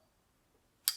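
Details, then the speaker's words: Symbicort Turbuhaler being re-armed for a second dose: quiet pause, then a single sharp click as the base is twisted clockwise then counterclockwise, showing the next dose is loaded and ready to inhale. "and it did this click you've heard the click now this means that it's ready to go"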